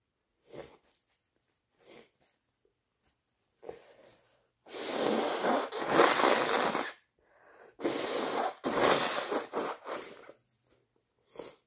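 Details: Deliberately induced sneezing during a bad cold: several short breathy catches, then two pairs of loud, forceful sneeze bursts and a final small sneeze.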